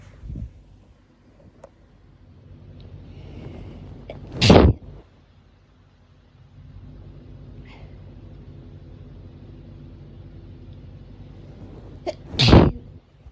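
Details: Hay fever sneezing: two loud, forceful sneezes several seconds apart over low room rumble.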